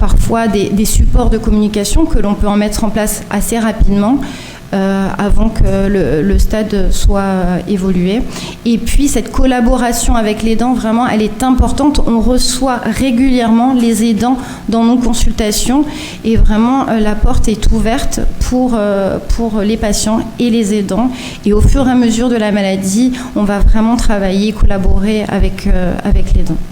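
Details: Adult female speaker; normal speech.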